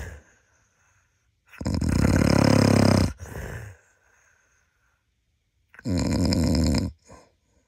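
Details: Husband snoring in sleep: loud, rattling inspiratory snores each over a second long, with a softer sound on the out-breath.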